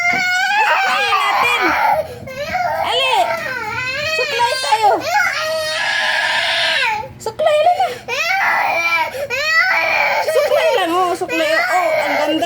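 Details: Young child (speaker's niece) cries loudly and sustainedly, wailing and sobbing, while an adult coaxes her to comb her hair and put on a dress; ordinary upset crying.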